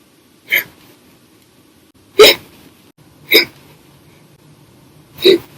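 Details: Four sharp, brief hiccups at irregular intervals over about five seconds in a quiet room, from hiccup bouts lasting hours after drinking soda after dinner; recurrent hiccups.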